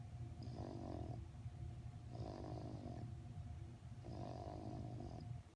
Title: snoring